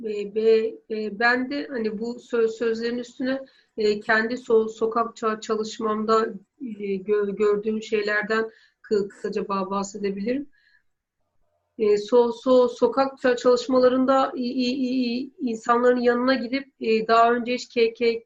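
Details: Woman who stutters, doing fear-exposure exercises from self-help stuttering work; sound repetitions and fillers; stuttering.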